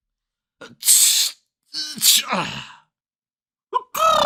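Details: Recorded sound-effect clip of people sneezing: several separate sneezes in different styles, each a sharp explosive burst of air, some with a short voiced lead-in; ordinary sneezing.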